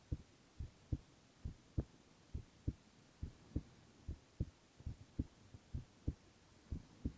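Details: Boy's heart sounds, ASMR recording: steady paired lub-dub heartbeats at roughly 70 beats a minute, regular and unremarkable; normal heart sounds.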